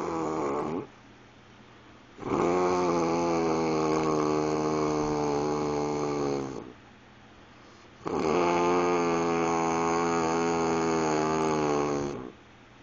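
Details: Adult self-recorded while asleep after driving about 5000 miles in 5 days: loud, long, buzzing, weird-sounding snores of about four seconds each, two in the clip, quiet breaths between.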